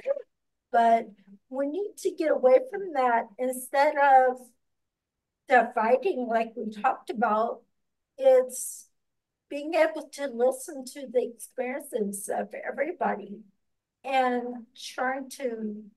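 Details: Speaker with ataxia who says people might not listen because of their speech and who did much work on pronouncing words. Ataxic dysarthria.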